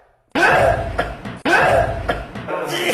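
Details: Two loud, abrupt sneezes from an adult man, each a forceful burst lasting about a second.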